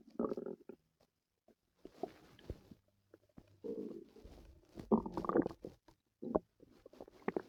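Gurgling, growling stomach noises in irregular bursts, typical of active bowel sounds.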